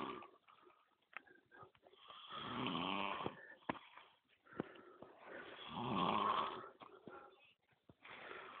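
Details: Man snoring while asleep during a fishing trip, after drinking 0.7 L: two drawn-out, rough, whistling snores with clicks and light noise between them.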